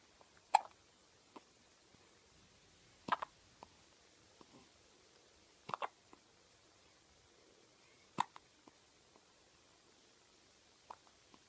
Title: Cute baby with hiccup